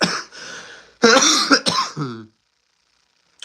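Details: Adult man who says he is still sick: a soft breathy rasp, then a harsh run of about three voiced coughs with throat clearing, ending in silence.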